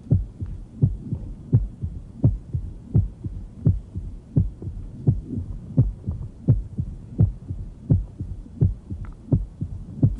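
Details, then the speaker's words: Tumor plop of left atrial myxoma heard with the bell: loud early diastolic filling sound, earlier than an S3, when the mobile tumor obstructs the mitral orifice, with a slight presystolic murmur. "so that during peak ventricular filling the tumor can essentially lay over the mitral valve orifice stopping ventricular filling when it does so it creates a sound"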